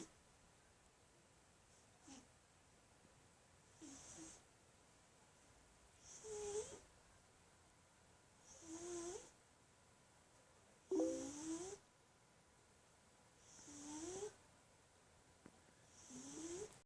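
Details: Soft, regular snoring with rising whistling tones on each breath, about 24 breaths a minute, in a quiet room; snoring.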